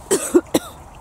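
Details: Three short dry cough bursts in quick succession from a woman on breast cancer treatment with cough and breathlessness from a lung infection with fluid awaiting drainage, not lung involvement; on antibiotics.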